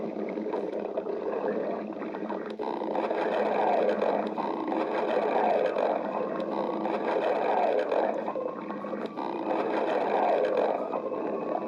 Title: Cassette girl stomach growling